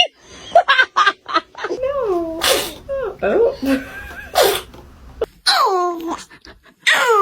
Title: Baby sneezes for the first time😂😂😂 #baby #funny #cute #hahaha #1million #trendingshorts